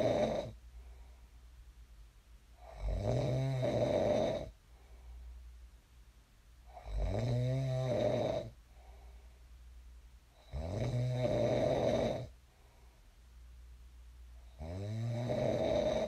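Four loud rasping snores on the in-breath with quiet out-breaths, about 15 breaths a minute; steady snoring during sleep.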